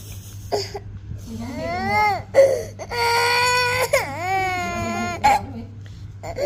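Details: An infant cries in loud, rising and falling wails, with a steady hum and quiet room noise behind: infant crying.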